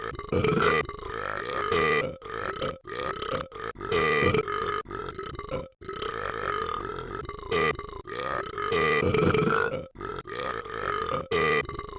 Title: won't stop burping